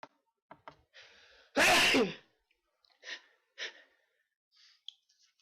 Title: Sneezes